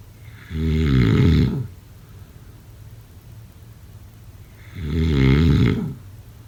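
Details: Snoring.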